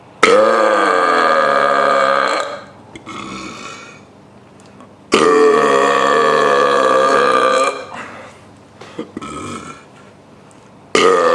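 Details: A person demonstrating deliberate burping by swallowing air gives two long, loud, voiced belches with quieter gurgling burps between them.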